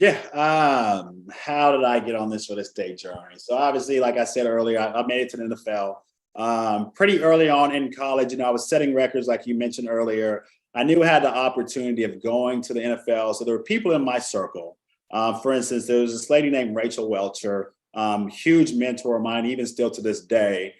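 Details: Adult man speaking; normal fluent speech.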